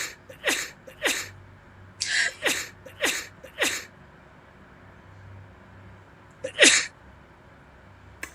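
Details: A sneezing fit: about seven explosive sneezes in quick succession, then a pause before one final sneeze.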